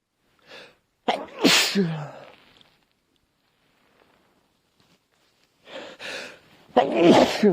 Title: Sneezing.. again